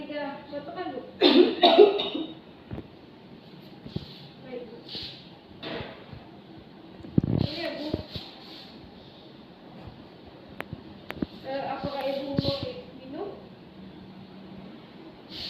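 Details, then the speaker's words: Deliberate single coughs from a 23-year-old woman during a nurse-led effective cough exercise (deep breath, hold 3 seconds, cough) to bring up sputum, which was expelled; voluntary cough demonstration. "Baik, latihan batuk efektifnya sudah selesai ya. Dahak Ibu juga sudah keluar."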